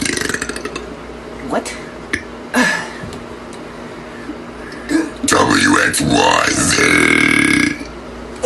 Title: Burp contest A-Z #burp